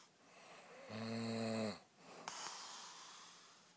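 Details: Person asleep during the last leg of a 48-hour film project: a single loud, buzzing inward snore lasting about a second, then a short snort and quiet breathing; ordinary snoring.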